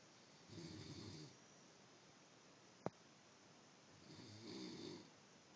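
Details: Two rumbling snores about four seconds apart, near 14 breaths a minute, with a sharp click between them; snoring.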